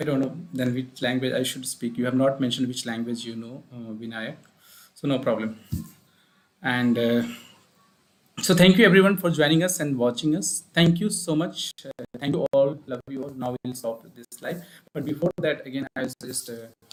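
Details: Adult male speaker; ordinary speech.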